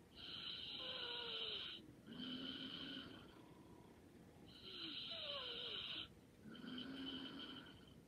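Light, rasping snores on each breath, with a softer whistling exhale between, across about two breath cycles: light snoring in sleep.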